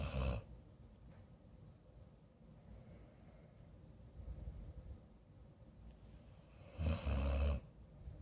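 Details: Low rumbling snore bursts at the start and end, with quiet breathing between, while snuggling with the sick owner; ordinary snoring.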